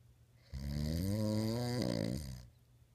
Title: Funniest Snoring Video Ever! LOL